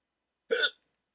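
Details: Adult with sleep apnea on CPAP treatment, hiccups after waking from sleep with the CPAP mask during a rare 14-minute attack: a single short, sharp hiccup.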